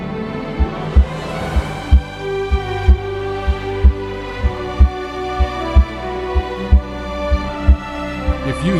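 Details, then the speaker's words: Heart auscultation: regular heartbeat near 62 per minute with a murmur filling diastole, over soft background music; diastolic murmur. "diastolic murmurs are usually caused by a oric or pulmonary valve regurgitation or mitol or tricuspid valve"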